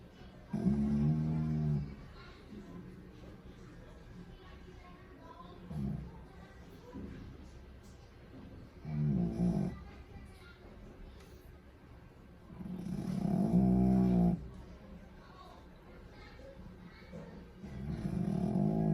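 Loud rattling snores in slow bursts about every four seconds from a sleeping dog, with soft music in the background; ordinary snoring.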